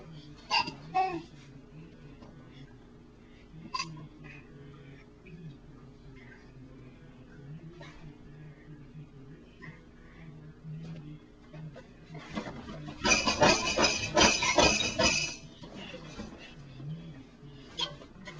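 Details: Infant hiccups: babbling broken by repeated short, abrupt hiccup sounds, with a louder burst of fussing midway; hiccups.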